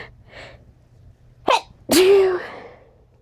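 A sniffle, then a quick inhaled catch followed by one loud, explosive sneeze with a trailing voiced release.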